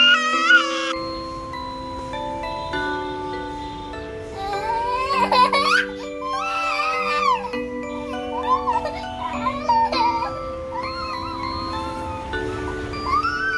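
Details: An infant with a morning cold during sneezing season cries in repeated wailing bursts over chiming music. Infant cry.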